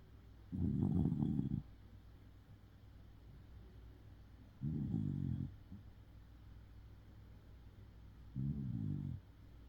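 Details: Tired Shiba Inu dog snoring in deep sleep: three low, rattling snores about every four seconds.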